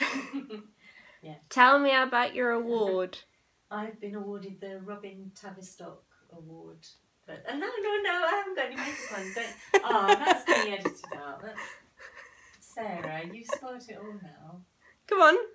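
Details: Adult woman in conversation; normal speech.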